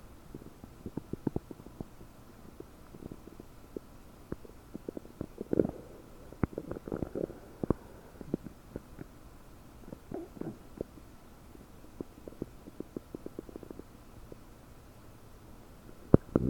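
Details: Belly recorded with a desktop microphone about 9 hours after eating 30 prunes; bloated, with frequent bubbling, popping and gurgling over a steady background hiss, i.e. loud, active borborygmi.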